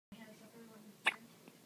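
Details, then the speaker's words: A single sharp, abrupt voiced catch over soft background talk; a hiccup in a patient getting forehead stitches. "She wait till they clean the forehead. Your hiccups will be gone by then."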